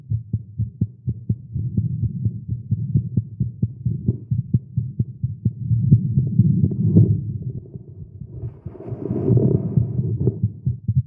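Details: A male heartbeat recorded after exercising with caffeine, tagged as irregular and fast. There is rapid, low thumping at about 130 beats a minute with uneven spacing and swelling background noise, a fast heartbeat.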